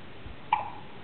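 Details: A single short, sharp hiccup from a two-day-old baby.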